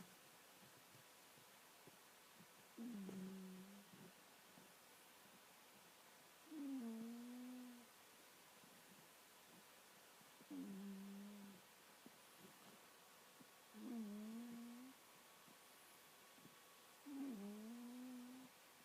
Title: My Cat Snoring at night haha